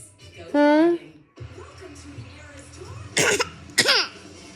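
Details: Young child deliberately gives two short, forced playful coughs after a brief high vocal sound; voluntary fake cough.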